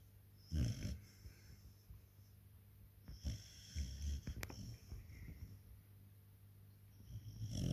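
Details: Rottweiler puppy napping: soft, low snuffling snores on breaths in, with quiet pauses and faint room noise; she also suckles, twitches and sometimes woofs in her sleep; light snoring.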